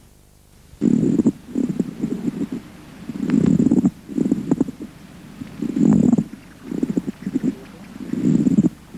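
Dry, harsh, creaking grating sounds come in paired bursts with both inspiration and expiration, at about 26 breaths a minute. This is a pleural friction rub: inflamed pleural layers rubbing together. The rub disappears once an effusion separates the layers.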